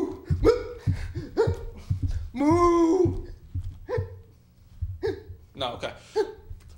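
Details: Short abrupt voiced catches recurring between speech in a small room while a person tries hiccup cures like sipping water, circling and jumping; repeated hiccups.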